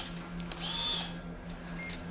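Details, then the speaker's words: Bone drill in a TV drama (House M.D.) scene, drilling into a patient's skull: brief high-pitched drill whine over a steady low hum; simulated, not real. "We're going to be drilling directly into your skull."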